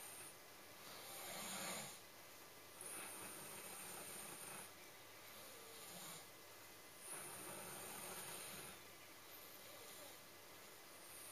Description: My doggy snoring and dreaming